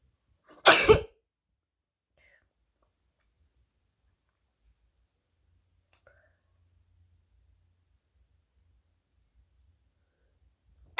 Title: Wide Nose Sneezes Africa.